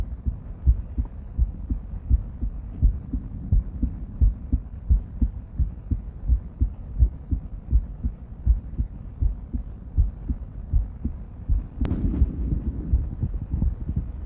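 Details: Female heart auscultated with various stethoscopes through a microphone, moving from Erb's point to mitral, tricuspid, aortic and pulmonic areas: steady, regular low thumps about 85 a minute with one handling click; normal heart sounds.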